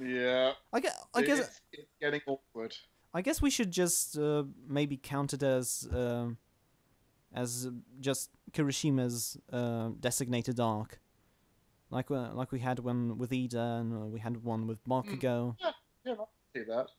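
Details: Adult man who stammers, recording while standing to reduce stomach muscle tension; stuttering.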